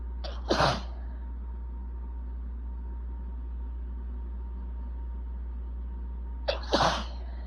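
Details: Sneezing.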